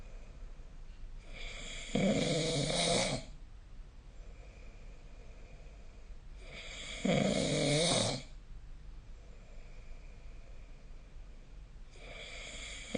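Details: Snoring recorded with the SnoreLab app: rough, rattling snores on each breath in, about every five seconds, with quieter breathing between.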